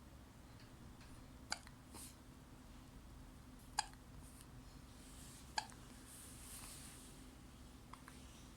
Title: 26th May 2022 | Cute baby hiccups | best video | baby development